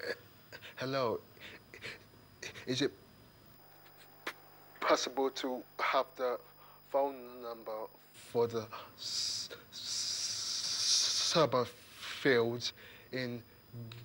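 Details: 28-year-old man who stammers and has long avoided the phone, making a phone call during a stammering course; his speech is broken, with repeated words; finding: stuttering.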